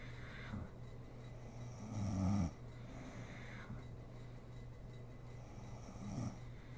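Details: Sleeping mother snoring in a home ASMR recording: soft snoring on a few breaths with one louder rough snore, over a steady background hum; mild snoring in sleep.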